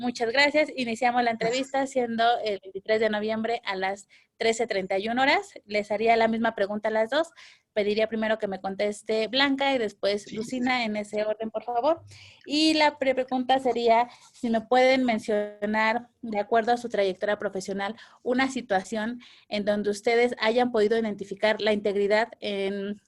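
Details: Adult woman speaking Spanish; Normal voice.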